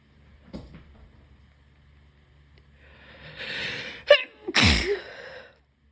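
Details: Congested, sick adult unable to breathe through the nose: a quiet build-up with a sharp inhalation, then one or two forceful sneezes.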